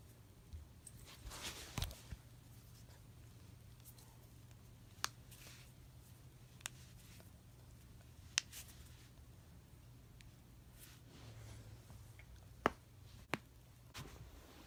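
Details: Joint cracking: several sharp, isolated pops over a quiet room hum, harmless cavitation.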